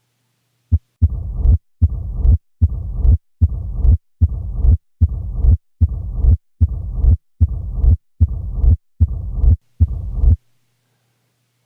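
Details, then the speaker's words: Teaching example of a low-pitched heart murmur: regular, rumbling low-pitched murmur repeating about 75 times a minute, contrasted with a high-pitched example. "here's an example of a high pitched murmur here is a low pitched one"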